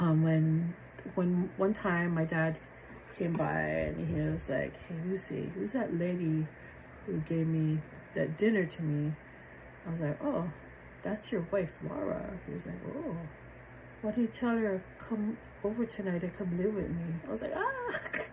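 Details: Adult woman with aphasia after a stroke on January 8, 2023; initially impaired comprehension, reading, word-finding and number recall, since much improved; aphasia.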